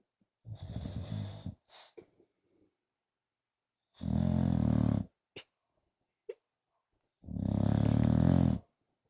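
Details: Bulldog napping on the owner's lap: loud, rough, rattling snores on each breath with short snorts between; noisy snoring typical of a short-nosed dog.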